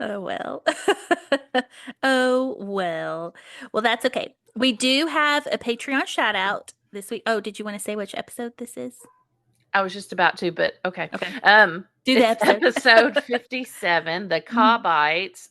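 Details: Adult woman speaking, conversational podcast; normal voice.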